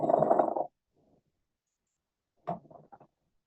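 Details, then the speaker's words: Two brief rough, grating, creaking bursts over the chest, likened to a small dog snoring: pleural friction rub, played as a teaching example in a semiology class. "a ver, no sé si por acá se logra escuchar el frote pleural. ¿Cómo sería un flote proral?"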